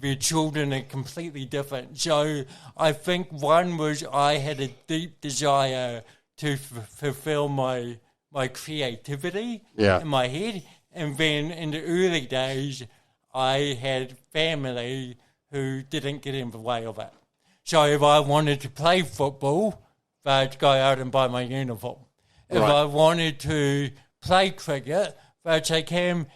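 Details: Adult man with cerebral palsy present from birth, a brain injury from oxygen loss to the brain during birth; he reports his thinking is intact and mentions having had speech therapy; dysarthria (cerebral palsy).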